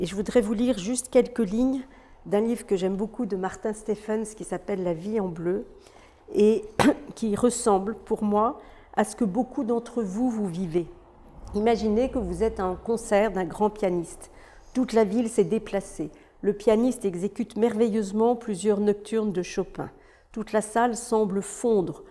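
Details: Adult woman; typical speech.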